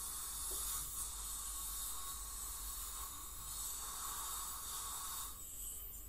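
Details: Professional teeth cleaning by a dental hygienist on a patient with heavy plaque and tartar, possibly scaling for gingival inflammation or full mouth debridement; steady high hiss, spray, faint whine and suction noise; ultrasonic scaling.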